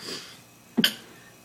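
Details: Cough.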